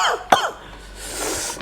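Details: A single sharp, acted cough in a comedy sketch about holding back a cough while fasting during Ramadan, bursting out after a brief voiced sound, followed by room noise and faint music.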